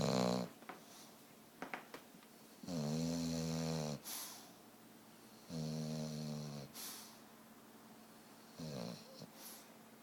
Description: Buster snoring super loud.